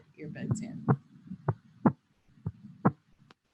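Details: Recorded Proctor Harvey heart sounds in a virtual COVID-19 patient case with bilateral expiratory wheezes. Breathing remains audible under the cardiac sounds: normal heart sounds.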